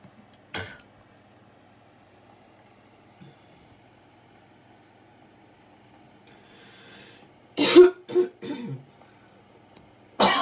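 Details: Adult coughing fit: about five harsh cough bursts, mostly clustered together, against a steady low room hum; attributed to lungs exposed to frequencies.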